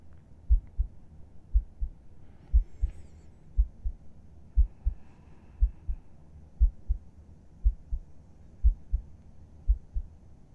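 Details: ASMR roleplay recording of the narrator's own heartbeat as if heard with a listener's head resting on their chest: steady, regular paired low thumps at about 60 beats a minute; a calm, normal resting heartbeat.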